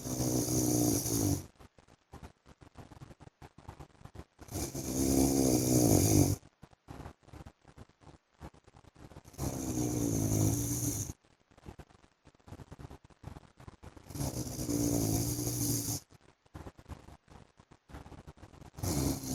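Loud, rough snores about every five seconds, roughly 12 breaths a minute, with quieter breathing between them: heavy snoring during sleep.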